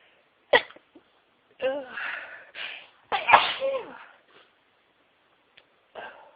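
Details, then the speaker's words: Several sharp sneezes in a row, some with a voiced cry, amid brief mutters, in the biggest sneezing fit of a day of sneezing at work, at home afterward; sneezing fit. "I've been sneezing all day, but this is the biggest fit I've had."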